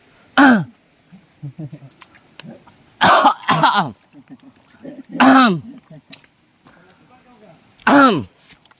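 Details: Deliberate fake coughing to tease a friend while fishing: five loud, voiced cough bursts with quiet murmuring between, not illness.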